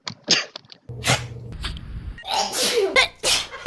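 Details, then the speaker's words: Several quick sneezes in succession, each a sharp hissing burst after a brief intake of breath. "i'm in here twice with two on-air sneezes um i didn't include any nick sneezes because nick your sneezes sound like coughs right and it's it would be confusing"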